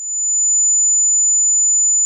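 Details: Simulated tinnitus: a steady, high-pitched pure tone rings for about two seconds, representing the ringing heard inside the ear.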